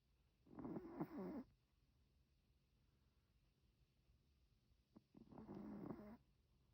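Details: Chihuahua snoring gently during sleep: two soft, fluttering snores with quiet pauses between them.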